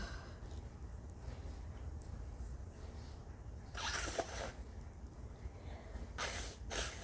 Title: Blowing my nose, sneezing and coughing. This actually hurt my nose and throat, to be honest...🤧🥺💔😫